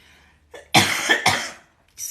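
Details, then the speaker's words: Plain cough: two quick dry coughs in a row from a person with essential tremor speaking on a live stream, whose voice was lost after karaoke singing and whose throat is getting dry. "i lost my voice on christmas night from all that karaoke singing and it's getting a bit dry now"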